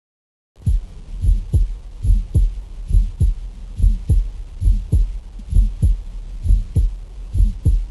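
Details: Pericardial friction rub: regular heartbeats with a rough, scratchy quality over the beats.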